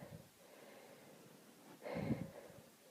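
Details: Young woman having an allergy attack from a dog in a car, trying not to sneeze: a quiet breath followed by one short, forceful nasal snort.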